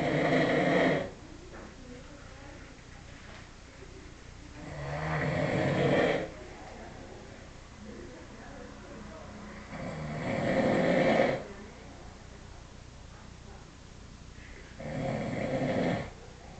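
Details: A sleeping adult, who denies that he snores, makes rhythmic, rattling snores on inhalation at about 13 breaths a minute.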